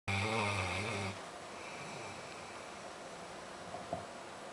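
A loud, rattling snore on the in-breath lasting about a second, then steady background hiss with faint breath noise; adult snoring.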